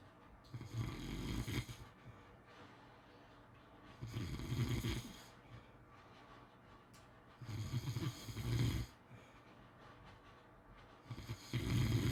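Loud, low rattling snores on each breath in, about four in twelve seconds, with quiet pauses between; ordinary snoring.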